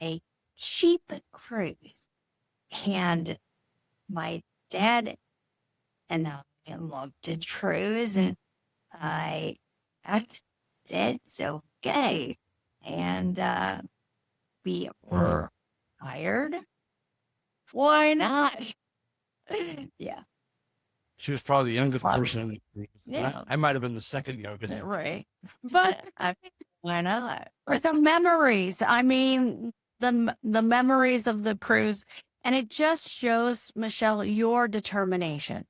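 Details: Woman with Broca's aphasia and apraxia of speech after a stroke from a brain bleed nine years earlier, treated with brain surgery; Broca's aphasia with apraxia of speech.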